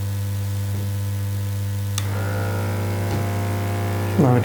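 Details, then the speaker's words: Home digital blood pressure monitor with cuff on the arm: steady electric hum, button click on pressing start/stop, then a rising pump tone as the cuff begins inflating. "now connected this to the arm and I'm just pressing the stat stop button"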